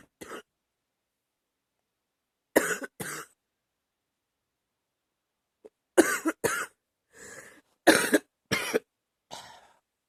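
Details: About nine short cough bursts, singly and in quick pairs, some with a rough, loose tail; a little chesty, productive cough during an illness last summer.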